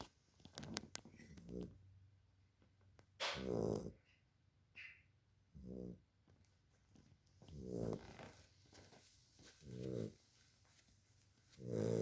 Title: Roscoe snoring 2 months old may 2021